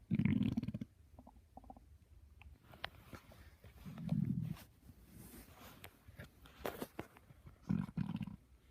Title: My stomach growling at 6:45